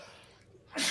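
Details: Adult man on a radio show: a quiet moment breaks into a sudden loud, hissing burst, the explosive start of a sneeze.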